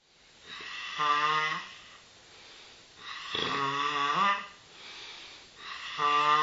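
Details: Woman snoring during sleep.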